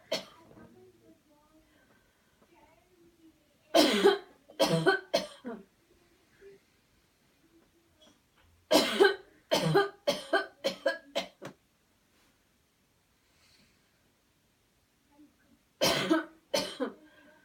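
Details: Voluntary airway-clearance coughing demonstration: after guided counted deep breathing in and out, three deliberate bouts of forceful coughs, several in quick succession following a deep breath; cough as an airway clearance technique.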